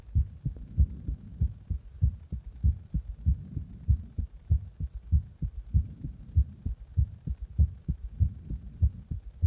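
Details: Regular low, clear thumping heartbeat at about 97 beats a minute.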